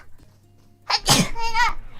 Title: Sneeze Compilation